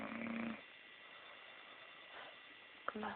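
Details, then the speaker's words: Two short, loud snoring breaths separated by a quiet pause, from a sleeping woman lying still, snoring through her nose, described as very loud; snoring. "Most people when they snore, they're like, she's not even moving. It's like coming out of her nose."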